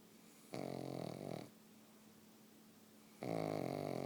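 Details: Soft buzzing snores with quiet gaps between breaths from a pug sleeping on the couch.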